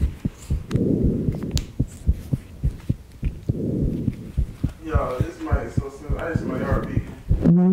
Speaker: I was so nervous he could hear my heartbeat y'all in the mic that's just not nervous I'm gonna put a clip y'all not gonna believe it this is the real heartbeat